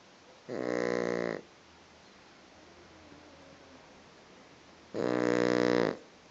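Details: Pug snoring while asleep with eyes open: two loud, buzzing snores about four seconds apart, each about a second long, with quiet breathing between.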